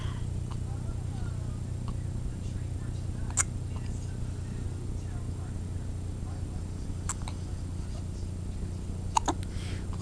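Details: Hiccups: three brief, sharp hiccup sounds over ten seconds against a steady low room hum, while an adult talks to the hiccupping one about funny faces.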